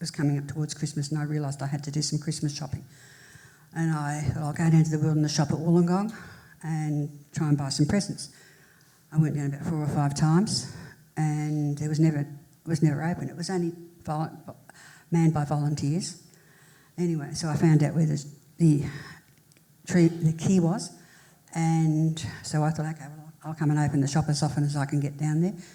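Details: Adult woman who had a major stroke in 1991 at age 40 and left hospital able to say about six words, with poor reading and writing; speech has improved since, with some residual difficulty; residual aphasia after stroke.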